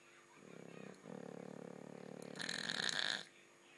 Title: Ronnie the snoring dog